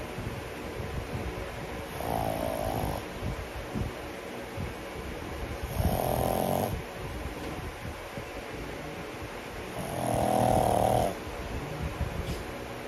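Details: Three long, loud rattling snores over about 13 seconds with quieter breathing between, from a sleeping 10-month-old pug: snoring.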